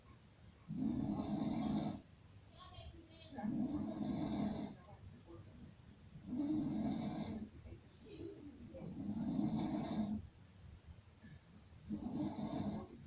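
Harsh, rasping snores on each in-breath with quieter out-breaths, about five cycles in 13 seconds, loud habitual snoring.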